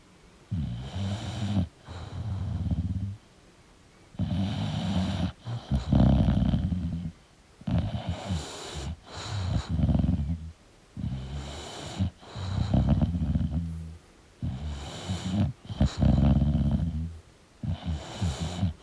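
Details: Sleeping English Bulldog snoring: loud, rattling snores with each breath, irregular and snorting.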